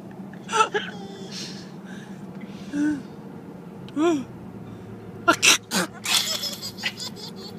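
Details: Several sharp sneeze bursts, possibly forced after being told to do it really loud, with another person laughing between them; sneezing.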